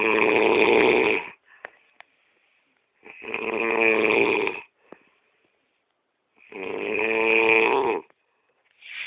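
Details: Sleeping person snoring loudly: rattling snores on each in-breath, about 18 a minute, with quiet pauses between; snoring.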